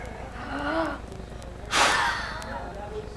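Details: Forced exhalation into a peak flow meter in a human simulator lab, blowing as hard and fast as possible: a sudden, hard, short blast of breath through a tube with a brief voice before it, during testing for a momentum effect.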